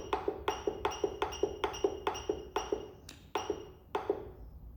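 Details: Rapid series of short electronic beeps with ringing clicks as the control knob of an LCS 191 physiotherapy laser therapy machine is turned and pressed to enter program settings; device beeps.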